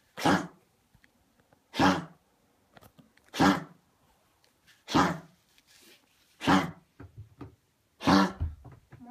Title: Coughing